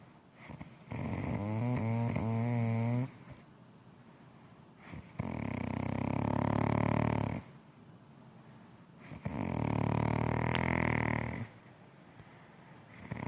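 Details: Mother snoring: three long, loud, droning snores on the in-breath, about every four seconds, with quiet out-breaths between; heavy adult snoring.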